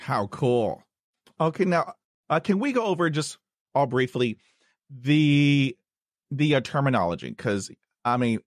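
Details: Stuttering in a male host who stutters, heard as a repeated word while introducing a guest.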